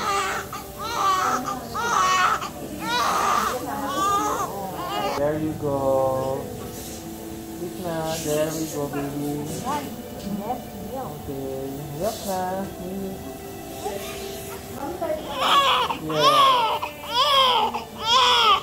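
Repeated high, wavering newborn cries over adult voices and background music, just after a caesarean delivery; a normal healthy first cry.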